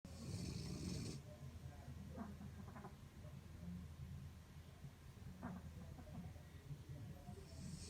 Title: Symphony Of Snores